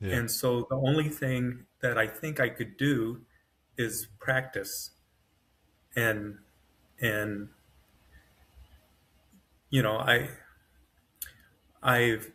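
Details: Adult man with self-rated mild-to-moderate aphasia after an AVM brain hemorrhage, surgery and a 10-day medically induced coma. He woke with right-side paralysis and severe aphasia, has foot drop, and has trouble finding words, with his brain working faster than his mouth.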